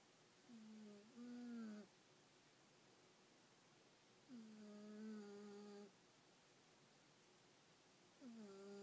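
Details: Female cat snoring while asleep: three drawn-out, tonal, whiny snores about four seconds apart (about 16 a minute) over quiet room noise.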